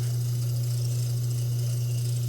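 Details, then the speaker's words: Training demonstration of a hand-held small volume nebulizer driven by an oxygen flowmeter through a face mask: steady low hum with airy hiss as aerosol medication runs after the patient's 10-second breath hold. "okay slowly go ahead and breathe out good job and we're going to let the medication run now"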